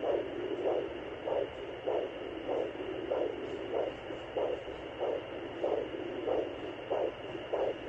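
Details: Doppler over the abdomen: steady rhythmic whooshing pulses at about 97 a minute under constant hiss; a pulse picked up over the belly.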